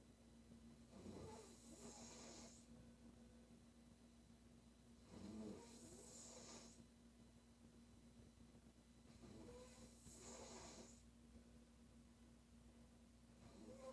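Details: Loud, rough snores from a sleeping female with each breath in, about three in fourteen seconds, over a steady low hum in the room; snoring.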